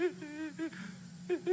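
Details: Patient with adductor spasmodic dysphonia phonating during stroboscopy, at times phonating on inspiration; adductor spasmodic dysphonia.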